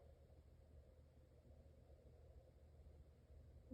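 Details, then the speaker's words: Stethoscope auscultation over the abdominal aorta just above the umbilicus in an adult female patient: quiet low rumble with no whooshing turbulent flow; normal abdominal aorta, no bruit. "Okay, and there's no bruits there, so I'm also just going to auscultate at the level of the renal arteries on both sides."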